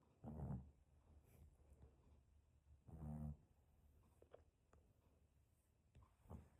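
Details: Tesla, a Shih-poo dog, snoring: soft, low snorting snores, two clear ones a few seconds apart, with quiet breathing between.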